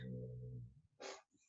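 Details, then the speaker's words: Low, steady rumbling snore from a sleeping dog in the background, followed by a brief noisy snort-like breath: snoring. "if you can hear my dog snoring in the background it's extremely well oh"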